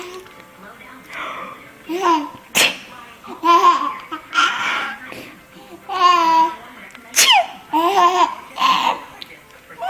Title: He still thinks my fake sneezing is funny